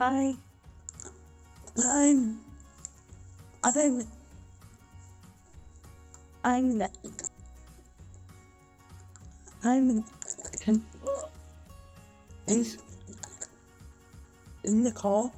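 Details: Young woman who stammers, variable day to day and by situation, long silent blocks when saying her name; stuttering with blocks.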